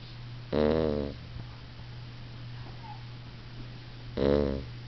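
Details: Beagle/basset puppy napping: two loud, buzzing snores about three and a half seconds apart over a steady low hum; ordinary puppy snoring during a nap.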